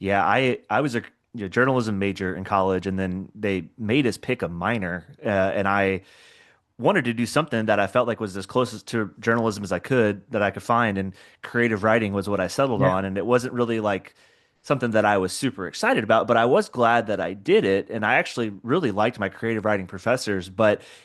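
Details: Adult male speaker; ordinary speech.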